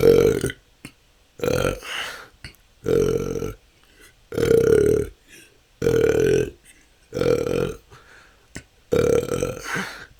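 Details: Person with excessive belching they say has lasted a couple of years and can go on for hours, in a continuous 10-minute recording: repeated loud, voiced belches every second or so, about eight in ten seconds. Frequent, persistent belching.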